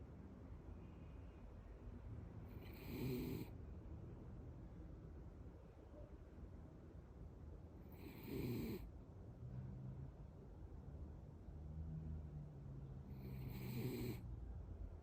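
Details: Sleeping cat snoring after a cuddle: quiet steady rumbling with a louder rasping snore about every five seconds, roughly 11 a minute; ordinary snoring.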